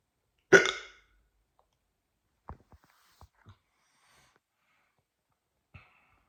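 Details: Hiccups after waking up: a sharp abrupt hiccup followed by several faint short catches in a quiet room.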